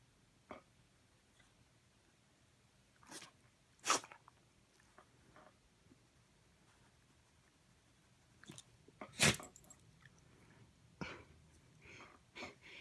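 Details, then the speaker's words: Dog gives several short, sharp sneezes, set off by light pushing and rubbing back and forth on the nose; effect fades after the first few tries. "this is how to make a dog sneeze every time"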